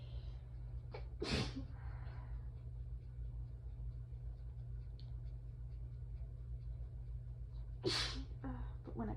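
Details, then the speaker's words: Allergic sneezing during an allergy attack in a woman with some trouble breathing who may need her inhaler: two forceful sneezes seconds apart, each with a quick in-breath, over room hum. "Sorry if some of these sound a little weird. I'm having a little bit of trouble breathing."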